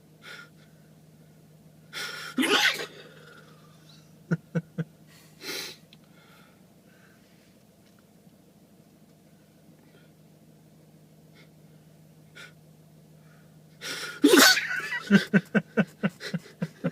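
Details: Tourette's tic-related repeated sneezing: several abrupt, forceful sneeze-like bursts with quick clicking sounds.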